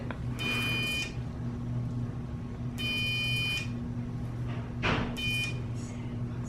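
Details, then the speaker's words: Electrocautery unit firing in three short electronic buzzing tones over low room hum, sealing vessels during removal of a numbed lump on a patient's head, with a lipoma also seen; the skin sides are pulled apart to buzz again. "Can you pull the sides apart like that just now so I can buzz it again? Buzzing again, you're gonna hear."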